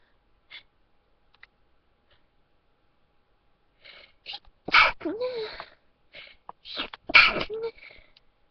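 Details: Person trying to hold back sneezes: short clicks and held-in breaths, then two sharp sneezes, each followed by a brief voiced sound, in a quiet room.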